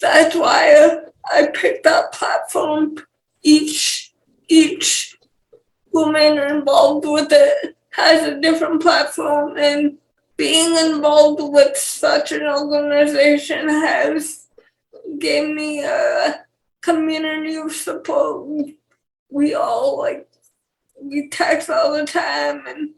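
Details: 28-year-old woman with cerebral palsy and speech issues; dysarthria associated with cerebral palsy.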